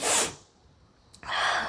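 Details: Woman doing a sneezing challenge after eating green chilli: sharp, hissing sneeze bursts with a short quiet pause between them; sneezing from nasal irritation.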